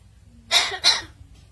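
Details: Two harsh, breathy cough-like bursts from a talking mynah bird (beo) imitating a human cough.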